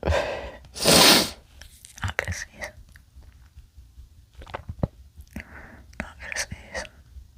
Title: not gonna sneeze (m)